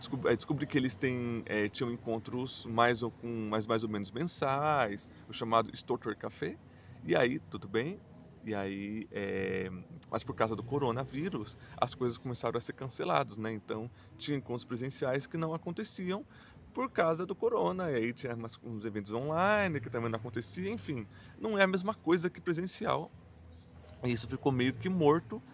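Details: Portuguese-speaking person who stutters, self-described as mostly blocks and silences with some repetitions; stuttering.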